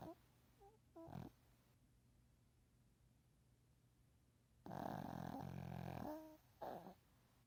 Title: Shih Tzu Snoring 🐶